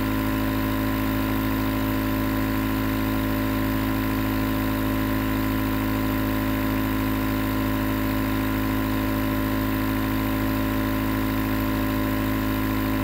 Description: Enjoy 20 minutes nebulizer sounds that can help to relax the mind and body, relieve stress and make fall asleep fast.